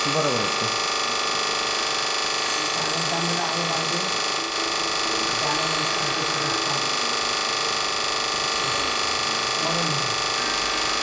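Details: Steady high-pitched dental instrument whine with faint voices and suction noise during root canal treatment of upper right and left first premolar-region deciduous teeth in a child with sensitivity and gum infection.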